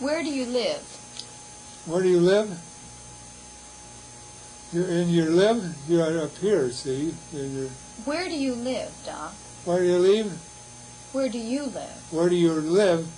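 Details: Adult speaker; Wernicke's aphasia.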